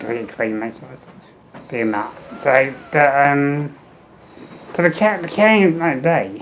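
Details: Adult man with muscular dystrophy and low lung capacity, tracheostomy 15 years, ventilator, fenestrated tube with speaking valve, air leak around trachea; speech in spurts per ventilator breath with breaks; ventilator-phased speech with tracheostomy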